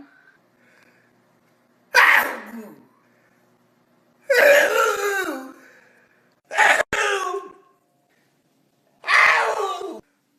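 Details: Grandmother at home in America having comical sneeze fits; whether she has allergies is unknown. Four loud, explosive sneezes a few seconds apart, some with a sharp catch of breath.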